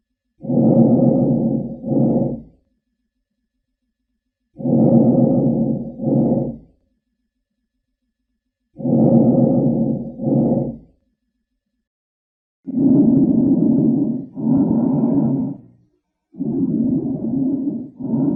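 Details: Lungs of a long-term chronic smoker: harsh, low-pitched rumbling breath sounds at about 14 breaths a minute: coarse abnormal breath sounds (rhonchi).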